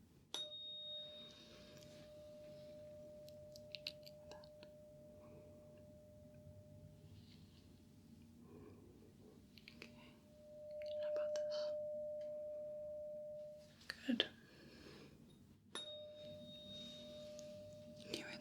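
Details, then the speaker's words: Tuning fork ringing during a Rinne test in a simulated ASMR roleplay exam: a steady pure tone, struck again, placed behind the ear then in front; Rinne positive, air conduction greater than bone conduction. "behind your ear and you're going to hear the tuning fork through the bone, bone conduction. And then when you stop hearing it, I'm going to put it in front of your ear and see if you can still hear it."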